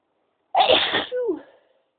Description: a variety of my sneezes